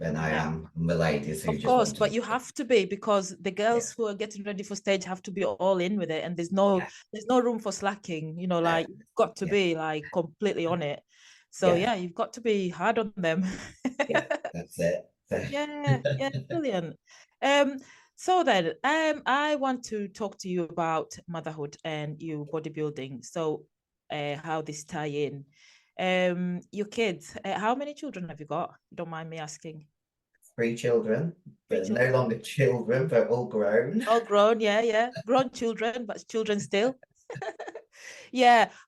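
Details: Two adults in conversation; normal conversational speech.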